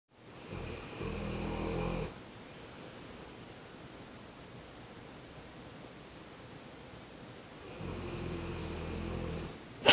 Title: my dog snores to